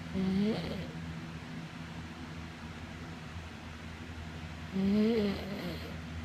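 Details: Snoring in sleep: two low, buzzing snores about four seconds apart over steady room hum; ordinary snoring.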